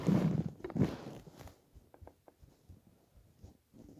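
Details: Person lying on a bed after about 28–30 hours without food, following fasting-driven weight loss (65–67 kg to 49 kg); low gurgling rumbles fading into scattered soft pops and gurgles; hunger stomach growling (borborygmi).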